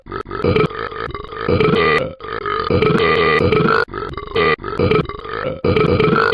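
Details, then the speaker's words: A person burping: a run of long, loud, voiced belches with short pauses between them; repeated burping. "I'll get ready for tons of burps get ready for tons of burps"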